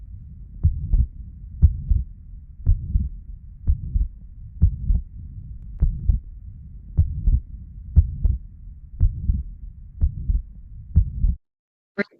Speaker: now coming to the tricuspid regurgitation, the murmur of tricuspid regurgitation, again a pansystolic murmur. But this murmur's intensity will increase with inspiration.